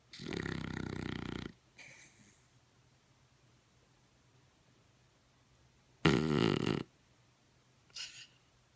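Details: Snoring: two loud, rough snoring breaths separated by a long quiet pause, each followed by a faint softer sound.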